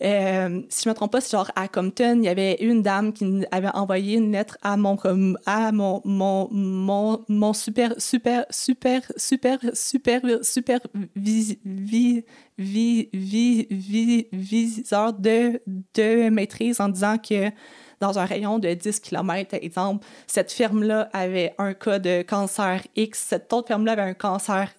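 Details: Stuttering in a 28-year-old woman with blocks and repetitions that she says increase under stress, such as job or on-camera interviews, and is often fluent in casual conversation.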